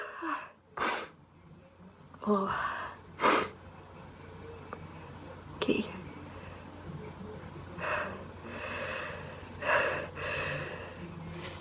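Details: A girl sneezing: a strong run of quick, sharp bursts, each with an indrawn breath before it, then softer breathy sounds.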